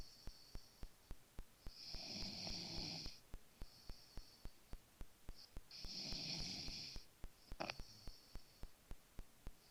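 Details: Sleeping male snoring with rough, rattling snores about every four seconds over a fast, regular ticking background, despite claims that he doesn't snore; snoring.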